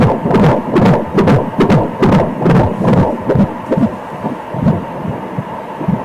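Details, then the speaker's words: Fast, steady whooshing fetal heartbeat on ultrasound Doppler at about 140–145 beats a minute, an average normal rate, during a 3D scan of a female fetus at 25 weeks of pregnancy. "artery for this one is yeah that's pretty that's pretty average heart rate supplying the 140 range 145"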